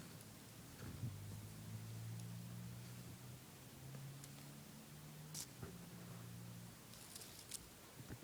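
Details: Wheezing in an asthmatic cat that started prednisone the day before, filmed at night: a quiet, low-pitched whistling wheeze with each breath against room noise.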